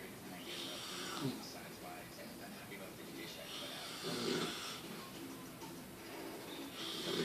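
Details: Snoring while asleep and dreaming: rough, noisy breathing sounds recurring a few seconds apart over background talk and music.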